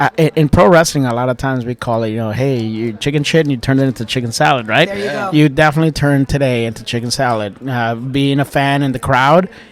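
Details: Adult man speaking; normal speech.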